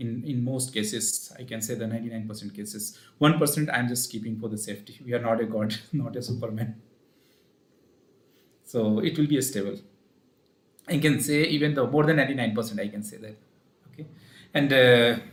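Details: Adult male with puberphonia (previously high-pitched, female-like voice, sometimes dual voice), speaking after voice therapy; pre-therapy recording 4 Nov 2020; voice now reported stable; puberphonia after voice therapy.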